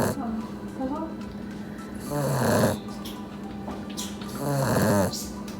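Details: Puppy napping after playing hard, joined by another dog, snoring loudly: two loud, rasping snores about 2.5 seconds apart with faint background talk and music.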